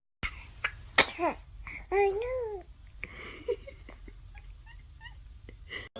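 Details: Baby sneeze from a compilation of infant sneezes: a sharp, explosive sneeze followed by a brief high-pitched vocal squeal and soft small sounds against low room noise.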